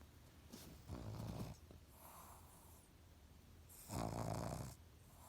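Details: Pug, a flat-faced dog, whose snoring sounds human: snorting, rattly snores, about two breaths in five seconds, with faint hissing between; snoring.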